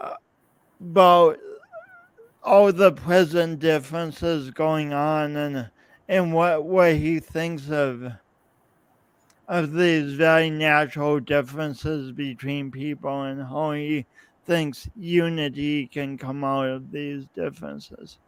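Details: Real male's lifelong speech impediment with coordination differences, his own condition; repetitions in speech; finding: speech impediment.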